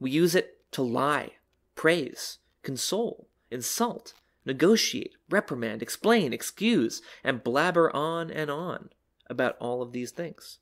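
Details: Adult speaker; normal speech.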